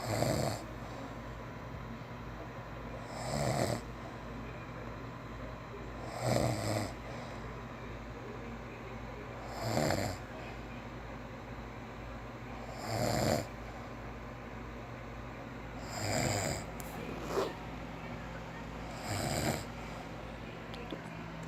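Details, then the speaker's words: Father snoring during sleep at night: regular low rattling snores on each in-breath, about 19 a minute, over steady room hum; ordinary adult snoring. "Vocês viram, gente? 21 anos faz que eu tenho que escutar isso toda noite."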